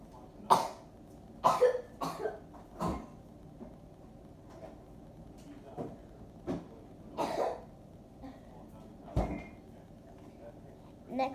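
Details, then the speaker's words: About ten short, scattered coughs, some in pairs, in a quiet room, from a person with a bad cough that hurts the throat. "and it soothes down your throat when you have a bad cough like me."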